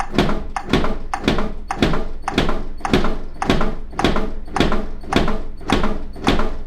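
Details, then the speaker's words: Steady, regular metronome thuds from a ZOLL AED 3, set at 100 beats per minute, pacing chest compressions during CPR after a shock or no-shock advice; the AED re-analyzes every 2 minutes. "your machine provides a metronome set at 100 beats per minute you're performing CPR after a shock or if there's no shock advice Contin you CPR provide compressions at this rate"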